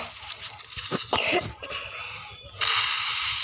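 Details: Adult gives a short burst of one or two dry coughs over steady background video-game noise, while playing a game; a plain cough.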